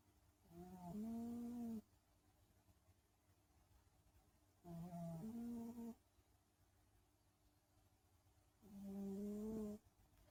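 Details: Sleeping cat snoring: three drawn-out, tonal snoring breaths about four seconds apart, roughly 15 per minute.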